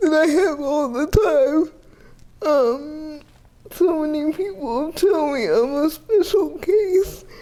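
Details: 30-year-old woman with GMFCS Level 4 (severe) cerebral palsy, quadriplegia with an athetoid component, using a power wheelchair; speech may be difficult to understand; dysarthria (athetoid cerebral palsy).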